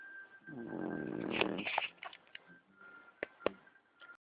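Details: Pug snoring: a single rough snorting snore followed by soft snuffles and clicks.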